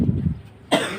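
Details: Cough while eating sour mango rujak with chilli: one short cough burst with a throaty rasp, then a sharp noisy breath or second burst.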